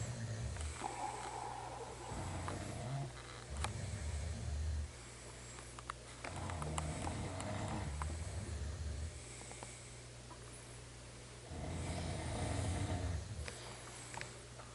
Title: Snoring at 12:15am